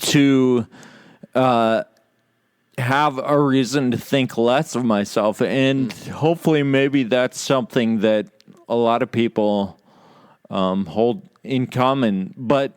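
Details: Adult podcast host with Friedreich's ataxia, which causes loss of muscle control in the legs and arms, impaired balance and slurred speech; ataxic dysarthria (Friedreich's ataxia)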